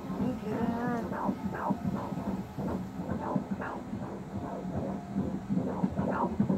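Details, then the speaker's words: Rapid rhythmic whooshing fetal heartbeat at 17 weeks of pregnancy, described as nice and strong, with talk in the background. Heart rate is 142, a normal rate; the examiner says it doesn't look like SVT. "Look at that little heart, though, little. Yeah. Nice and strong."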